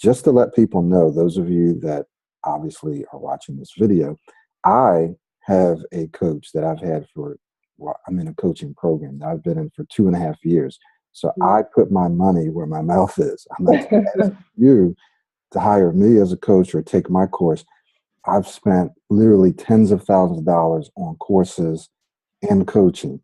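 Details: Adult man speaking; Normal fluent speech.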